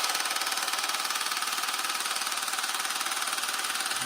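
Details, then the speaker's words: Handheld at-home low-intensity shockwave therapy device, marketed for erectile dysfunction, applied to an adult man's penis in a first round. Loud, rapid, regular mechanical clacking at about 160 pulses a minute; he reports no pain and no sensation. "Okay. So I have no pain on my penis right now, but I can't feel anything. All you guys can do is just hear how loud it is."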